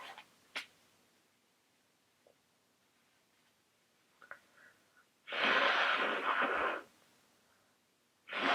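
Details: A few faint sniffs and small noises, then a loud, harsh sneeze burst and the start of a second, in a person with a very runny nose who can't stop sneezing; sneezing.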